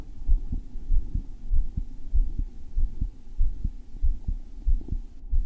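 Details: Male's own heart recorded when it felt thumpy, rate checked with an Apple Watch ECG app: strong, regular low thumps at about 95 a minute with a faint hum, a forceful pounding heartbeat.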